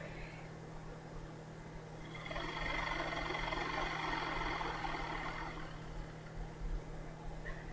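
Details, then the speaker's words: Acapella oscillating PEP device used by a cystic fibrosis patient: after a full inhale, sitting up straight, a sustained forced steady exhalation giving a buzzing flutter that shakes the chest from inside to loosen mucus. "what you're supposed to do is inhale sit up straight and then blow out with all your force well you got to blow it out all the way that you can a nice steady pace and what it does is it shakes you from the inside so to try to help loosen up"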